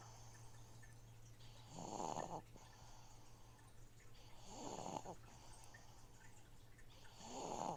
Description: Please enjoy my snoring baby while a noisy fishtank filter cycles water in the background :-)